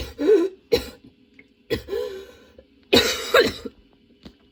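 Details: Sudden-onset, nonstop coughing fit that kept worsening, bringing tears and frequent position changes: repeated harsh cough bursts with throat clearing and strained vocal sounds in close succession.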